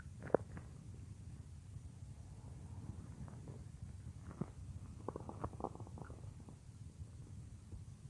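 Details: Woman's belly heard as if lying on her stomach while she works at the computer, stomach growling roleplay; soft low rumbling with scattered gurgles and brief squeaks; bowel sounds (borborygmi).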